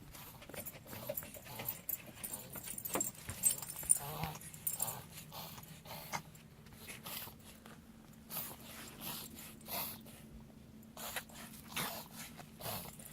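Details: Dog reverse sneezing: a run of rapid, harsh, snorting inhalations.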